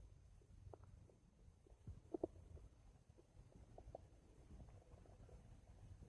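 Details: Bowel sounds (borborygmi).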